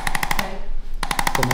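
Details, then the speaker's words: Two rapid bursts of sharp mechanical tapping, about fourteen taps a second, from a handheld chiropractic percussion instrument on the roots of problem vertebrae under infrared light, in a female pole dancer with sacrum and pelvis pain; suspected vertebral blockage irritating the muscles. "फिर, मैं एक इन्फ्रारेड प्रकाश डालूंगा और इस छोटे से आघात उपकरण से उन कशेरुकाओं की जड़ों को उत्तेजित करूंगा जो कठिनाई में थीं।"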